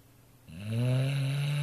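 A single loud, low, buzzing snore rising from quiet and holding steady; a dog snoring in sleep.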